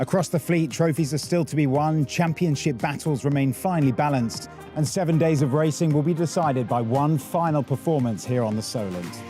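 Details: Adult male narrator; normal speech.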